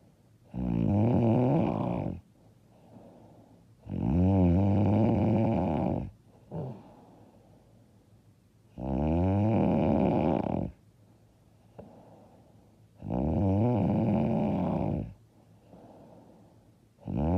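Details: Loud, rattling snores on each in-breath, about 15 breaths a minute, with quieter out-breaths between; self-described very loud, hard snoring.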